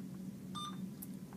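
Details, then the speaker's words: Alaris IV infusion pump being switched off by holding the channel off button: a single brief, soft beep over a low room hum, after which the button is released and the pump powers down. "once it has beeped you can release the button and it'll power down and that is how you to operate youris IV pump"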